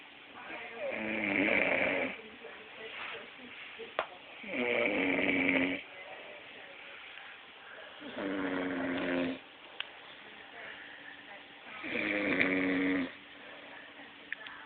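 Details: Sleeping person snoring loudly and regularly, about 16 snores a minute, with a whiny, squeaky rising tone, each followed by a quieter breath; snoring.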